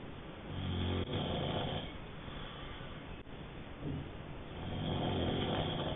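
Low, rattling snores rising and falling with each breath over several seconds; snoring during sleep.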